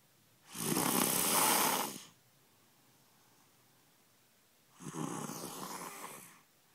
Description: snoring loudly